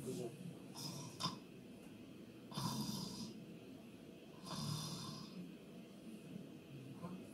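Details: Snoring example in a discussion of snoring and sleep apnea causes: irregular, raspy snoring breaths with snorting sounds and uneven gaps between them.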